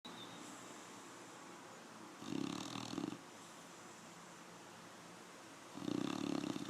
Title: Snoring dog